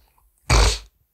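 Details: Person with Tourette syndrome makes a single abrupt, forceful nasal snort, a simple vocal tic.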